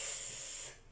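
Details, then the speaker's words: Metered-dose inhaler actuation during a correct-technique demonstration: the canister is pressed while breathing in at the same time. A brief sharp spray hiss that fades. "So they press at the same time, they pull in."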